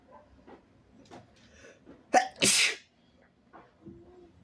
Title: kinda wet sneezes and a good noseblow (he/they)